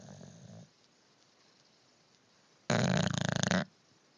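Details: Sleeping dog: two snoring breaths, the second a loud, fluttering rattle, separated by a quiet pause; snoring.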